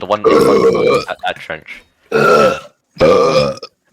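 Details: Three loud, drawn-out, low voiced belches in a row, the first broken into shorter gulps; voluntary burping done on command during a gaming voice chat.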